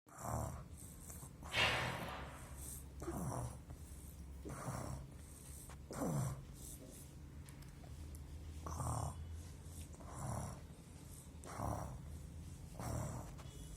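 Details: Child acting out snoring: repeated throaty, rattling snore-like breaths, roughly twenty a minute.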